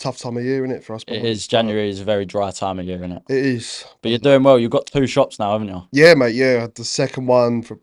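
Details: Adult men in conversation; typical speech.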